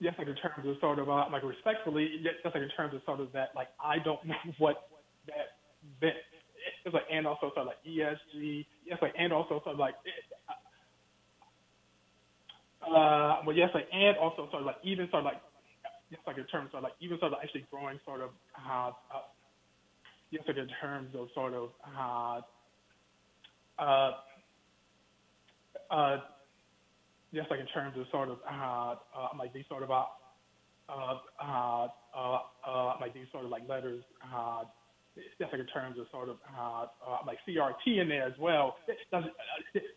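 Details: Adult man with a stutter, speaking in a phone interview; stuttering.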